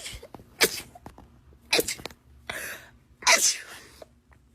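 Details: Rapid repeated sneezing: four sharp sneezes in quick succession over a few seconds, each a brief explosive burst.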